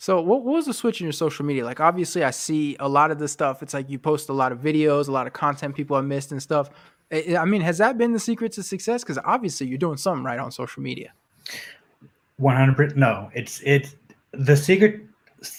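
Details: Adult men in conversation; normal speech.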